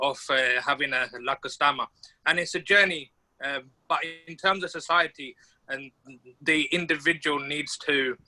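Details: Adult man from the UK who identifies as a person who stammers; stammering.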